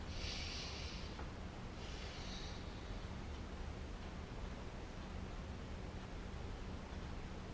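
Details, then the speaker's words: Lung auscultation during a head-to-toe exam: patient takes two deep, airy breaths over a steady low room hum; lungs very clear with no added sounds. "so when I think a listen from the bus I want you to take a deep breath"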